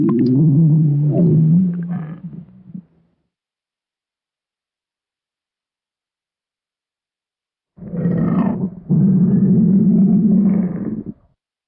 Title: Stomach Growl 1